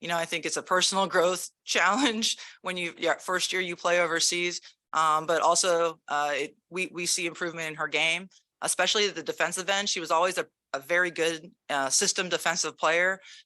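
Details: Adult woman speaking; Normal speech.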